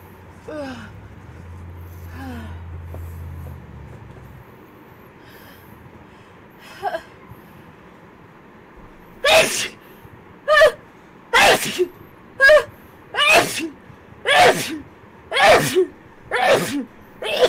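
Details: A girl's quick run of about nine sharp sneezes, roughly one per second, after a few quieter sounds: rapid repeated sneezing.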